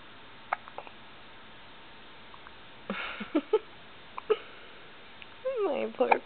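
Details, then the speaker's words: Baby girl: short, abrupt hiccup catches at irregular intervals, with some infant fussing near the end: infant hiccups. "Somebody needs to invent a hiccup takeaway, if that makes any sense."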